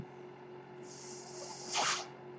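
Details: Speaker's own mechanical ventilator heard while he talks on a podcast: one breath cycle delivered by the ventilator.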